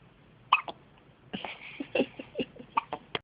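A run of brief, abrupt catching sounds in quick succession, consistent with hiccups, over faint background noise.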